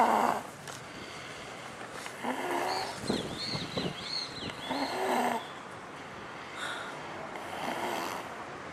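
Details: Rattling, snorting sleep breaths recurring every few seconds with light background noise, in a sleeping pet, recorded March 2011: snoring.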